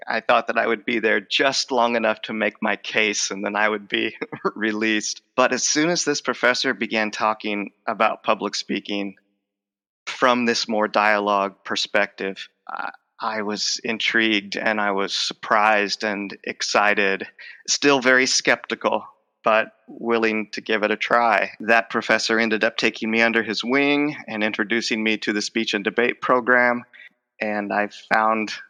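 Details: Adult male speech professor with lifelong stuttering involving blocks, repetitions and covert stuttering; the stutter is emerging during the conversation; finding: stuttering.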